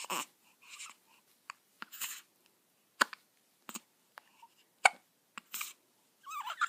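Soft, short, repeated catches, roughly thirty a minute, irregular, with faint breathing between; newborn hiccups.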